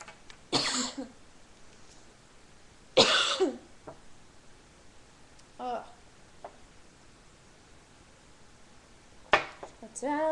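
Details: Coughing fit: several sudden, harsh coughs breaking into a quiet stretch of singing, with brief voiced sounds between.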